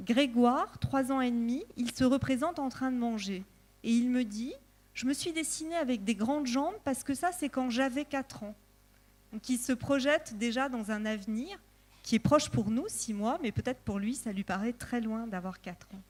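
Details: Adult woman speaking French; no disorder.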